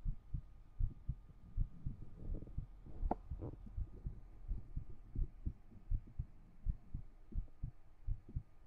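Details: Soft, low, steady thumps at about 80 a minute with faint room hum, from a 3Dio binaural ASMR stream; heartbeat.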